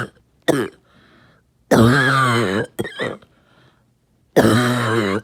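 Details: Adult coughing repeatedly all night: three separate harsh, voiced, forceful coughs with throat-clearing between; cough.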